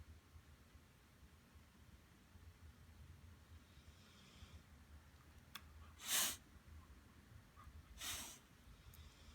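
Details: In a quiet room, a faint breathy puff followed by two short, sharp, hissing sneezes from a puppy, a couple of seconds apart.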